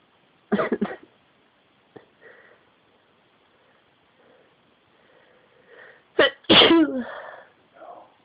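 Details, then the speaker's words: Self-induced sneezing by putting the tip of a key up the nose: a sharp sneeze, then a quiet gap and two more forceful sneezes in quick succession, soft room background. "i'm making myself sneeze why because why so how is it not good for you"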